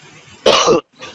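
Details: A single harsh, rough cough from an adult man, a chess grandmaster who is unwell with a rough voice during an interview, against quiet room noise.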